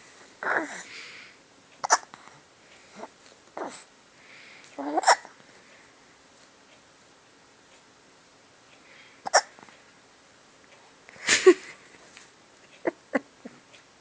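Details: Hiccups: brief, sharp gulping sounds recurring irregularly, about nine in fourteen seconds, in a quiet room.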